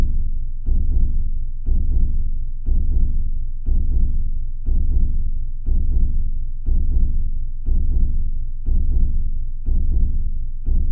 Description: Sounds of a slow hear beating.